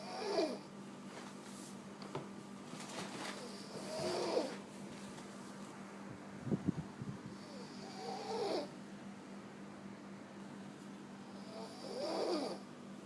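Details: Soft rattling snores during sleep, about 15 a minute, with quiet breaths between them over a steady low hum.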